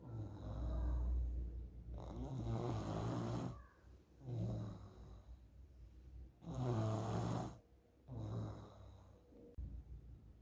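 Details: Loud, low, rattling snores recurring with each breath from a sleeping child; the snoring is presented as possibly one sign of nasal polyps.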